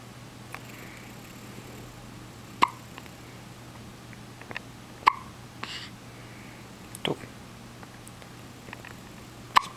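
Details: Sharp, brief clicking gulps recur about every two to two and a half seconds over a steady hum: hiccups.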